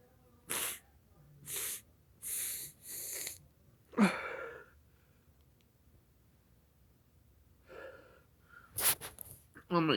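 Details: Self-recorded attempt to sneeze by sniffing black pepper: several short nasal bursts, then one sharp full sneeze and a few more breathy bursts. Sneeze.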